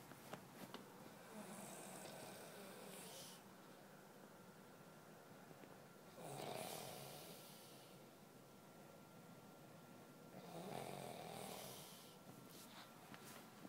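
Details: Person snoring around 3 a.m. and keeping others awake: rough, fluttering snores on each breath, about 14 a minute, in a quiet room; snoring.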